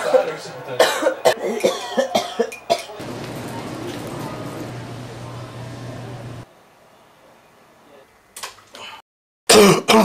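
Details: Lots of coughing at night in the dark while trying to sleep (2001): several short coughs and throat clearing, then rustling and quiet, with more coughs at the end.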